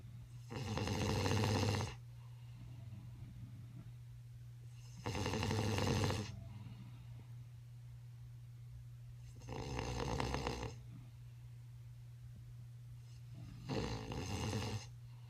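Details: Adult man snoring in a hotel: loud, rough snores on each in-breath, about 14 breaths a minute, over a steady low room hum.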